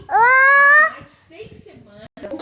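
A single loud, clear, high-pitched cry lasting under a second, then quieter fussing and babbling sounds.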